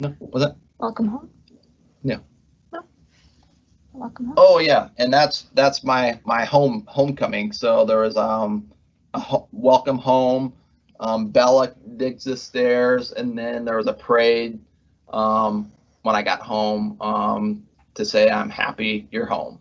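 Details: Adult man with aphasia after a left-hemisphere ischemic stroke from left internal carotid dissection, with right hemiplegia; after speech therapy, word-finding difficulty persists months later; halting speech with fillers and repeated words: aphasia after stroke.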